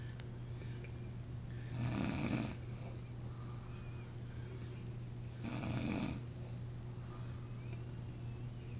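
Two rough, rattling snores about four seconds apart over a steady low room hum; ordinary snoring.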